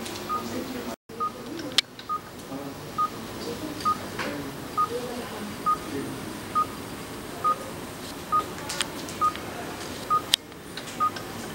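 Regular short monitor beeps about 67 a minute over busy room noise: an anaesthesia monitor beeping with each heartbeat.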